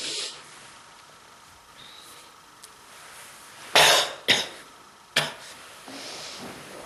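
Three harsh, forceful coughs after quiet room noise; a chesty cough with bronchitis.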